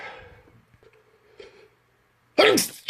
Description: This is just a small handful of the 30 or 40 sneezes i let loose this morning.